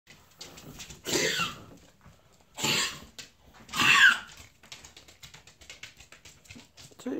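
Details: Three harsh, forceful coughing bursts from a dog, Dalton, with quieter breathing and snuffling between them; recorded after 1 week on nebulized albuterol.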